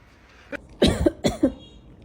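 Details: Two short explosive bursts close together, a brief sneeze-like expulsion from a person in a quiet room, in a clip about a cat that meows when someone sneezes; cough.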